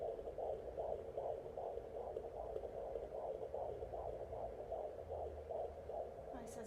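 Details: Fetal heartbeat on a Jumper JPD10056 home fetal Doppler, with the mother lying flat: fast, regular, galloping whooshing pulses in the 150s a minute, distinct from the slower maternal pulse.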